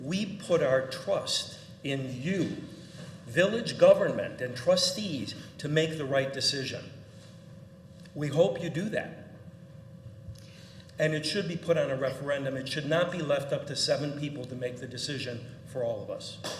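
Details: Adult man speaking at a public meeting; normal voice.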